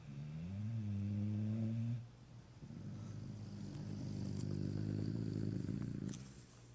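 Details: 1.5-year-old Pitbull snoring loudly while asleep at night; deep, buzzing, growl-like snores drawn out over each breath; he jumps partway through when a camera strap touches his leg.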